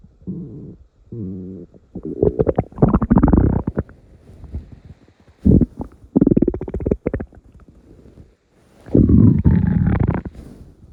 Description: Probably the last video of 2023. Here are some morning rumbles for you all to enjoy.